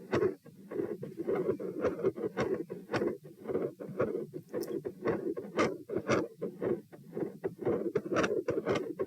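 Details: Heart sounds at position P, standing, sitting and lying: fast but soft beats, about 102–120 bpm, speeding and slowing with breathing; phasic pattern increases after about a minute and persists despite provoking manoeuvres; respiratory sinus arrhythmia.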